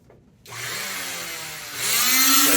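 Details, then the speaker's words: Oscillating cast saw running before removal of a fiberglass short arm cast, shown not to cut skin, only hard cast material: loud, high-pitched buzzing whine rising in pitch. "can't cut skin. It's only a hard pump. So at that point, it can't cut skin, only on hard portions of the cast it can cut."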